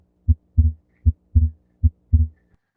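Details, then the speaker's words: Physiological splitting of S2 heard as a normal-amplitude, not harsh, split second heart sound, contrasted with the louder S3. "your splitting of S2 will be of the normal amplitude. Okay, so it does not sound very harsh"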